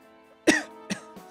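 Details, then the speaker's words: Three short coughs from an adult man, the first strongest, over steady background music during a live stream: cough. "for my coughing guys it's sucks I would hate to hear that"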